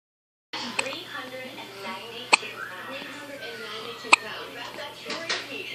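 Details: About three sharp, brief hiccup clicks roughly two seconds apart, over background talk and music; hiccups.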